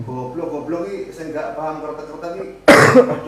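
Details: Cough from a patient complaining of frequent coughing and chest pain, recorded during a traditional "kretek" bone-cracking treatment: quiet talking in a room, then one loud, harsh cough burst near the end.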